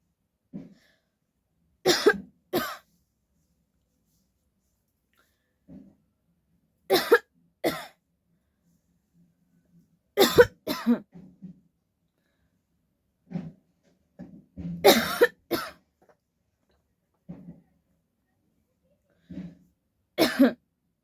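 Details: An adult coughs deliberately about nine times, mostly in pairs, with quick breaths between, in a quiet room for a coughing challenge. Voluntary cough.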